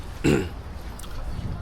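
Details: Single short, guttural throat-clearing burst from an adult man who says he is feeling quite unwell, followed by quiet room noise.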